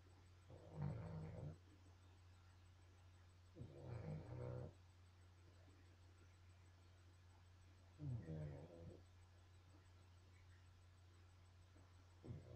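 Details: Snoring during sleep: soft, low rumbling snores recurring about every three to four seconds over a steady hum.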